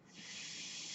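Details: Steady airy hiss rising over a second: breath flow from the speaker's own mechanical ventilator, heard while he talks; mechanical ventilator.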